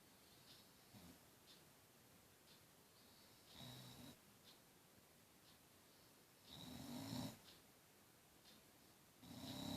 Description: Dogs snoring, all owners all know this is the BEST sound EVER!!!